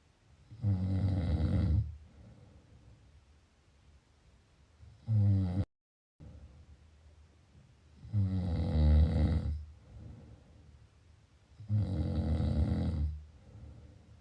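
Loud rattling snores on each in-breath, about 16 breaths a minute, with quieter breathing out between them; snoring in sleep.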